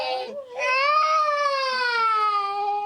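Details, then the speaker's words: Young boy crying during an injection: brief whimper then loud, sustained distressed wail. "so you just going to feel a little ouch okay nice and still for me darling Oh sorry little ouch ouch good boy I know sorry"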